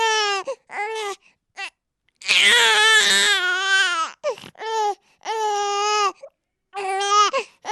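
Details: Loud, high-pitched wailing cries of a baby in bursts with short breaths between, including one long strained cry; infant crying from a sound-sample recording.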